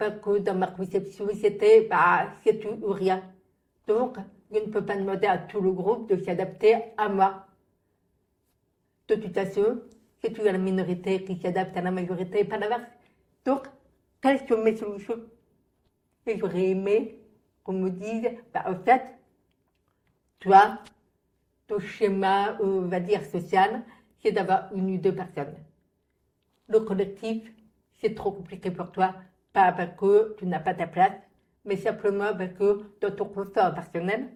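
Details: Adult woman, born profoundly deaf (prelingual), raised with thousands of hours of speech therapy, lip-reads, and has been understood by others only since about age 12; deaf speech (prelingual profound deafness).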